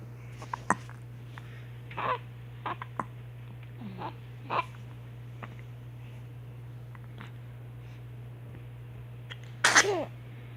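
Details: Brief sharp catches of breath at irregular intervals in a quiet room, ending with one louder burst: hiccups.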